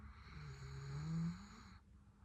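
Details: Rhodesian Ridgeback dog snoring while asleep: a single low, rumbling snore on one breath.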